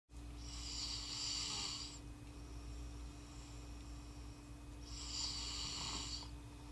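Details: Snoring from a subject born 8/17/07: two long, hissing, fluttering snores about four seconds apart over a steady room hum.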